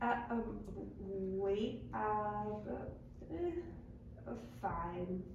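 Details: Role-played 55-year-old right-handed woman with global aphasia after an intracerebral hemorrhage that caused extensive left-hemisphere cortical damage in the middle cerebral artery region; hesitant, minimal output when asked how she feels.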